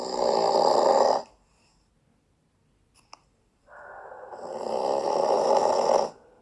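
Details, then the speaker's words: Sleeping adult man snoring on inhalation only: two long, loud, rattling snores with a quiet pause between them, ordinary heavy snoring. "a w zamian ten wasz soczysty, wspaniały mężczyzna pozostaje z wami w kontakcie głosowym nawet przez sen."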